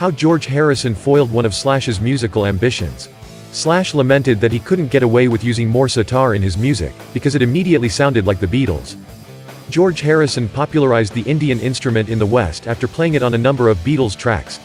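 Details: Adult male speaker; normal speech.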